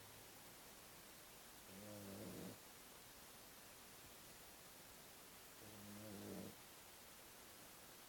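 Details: Puppy sleeping after 2 hours of intense play, snoring: two soft, low snoring breaths about four seconds apart under steady hiss.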